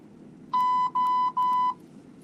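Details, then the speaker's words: Bedside device low-battery alarm: three steady mid-pitched electronic beeps in quick succession in a quiet room at 1:45 a.m. The adult patient was admitted overnight to a cardiac floor with a suspected heart attack, has an IV in the arm, and is unsure what the beeping means. "I don't know what the beeping means."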